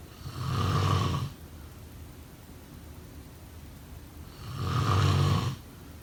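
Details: Two long, low, rattling snores about four seconds apart with quiet breathing between: snoring during sleep.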